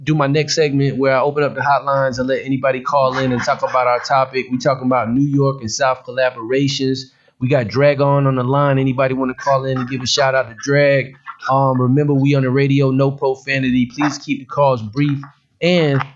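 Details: Adult male radio host; normal speech.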